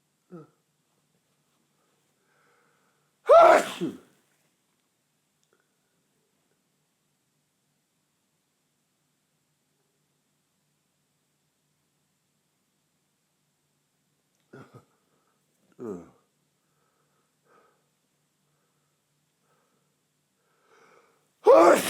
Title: Tickly Nose, Loud Sneeze 3 (M)